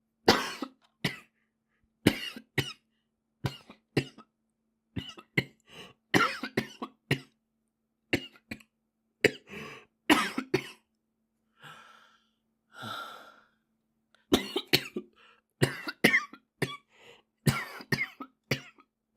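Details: A Japanese boy coughing: repeated short coughs in bursts of two to four, about twenty in all, with a couple of soft voiced breaths between them.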